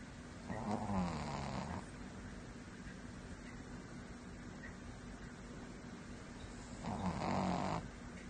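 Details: Snoring in a sleeping cat: two rumbling, fluttering snores about six seconds apart, with quiet breathing between them.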